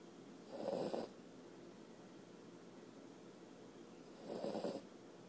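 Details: Sleepy puppy snoring during sleep: two raspy, noisy snores about four seconds apart, roughly 16 breaths a minute, with quiet pauses between.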